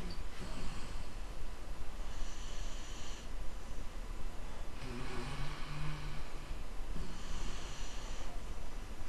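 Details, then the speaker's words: Rhythmic rough, rumbling snores from a sleeping dog, about four breaths in nine seconds, over steady room noise; snoring. "I'm sorry for this snoring dog in this audio, but I am recording it separately to doing the filming."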